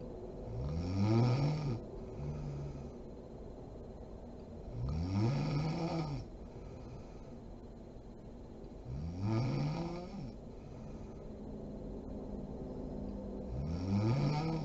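Loud rattling snores on each breath in, about 15 breaths a minute, with quieter breaths out between them: ordinary snoring.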